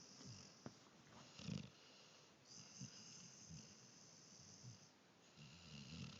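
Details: Sleeping dog snoring: soft, irregular low snoring sounds over a steady background hiss.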